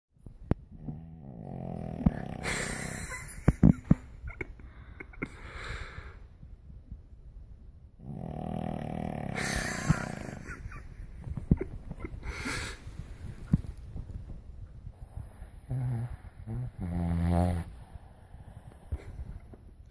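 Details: Sleeping Cavalier King Charles Spaniel puppy: regular low, rumbling snores about every seven seconds, with snorting sounds: snoring.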